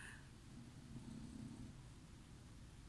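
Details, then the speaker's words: A sleeping English bulldog snoring during a recording; a low, fluttering rumble that swells and fades over one breath, loud enough to be heard on the recording. "sais pas si on va l'entendre dans la vidéo pourtant il est assez fort"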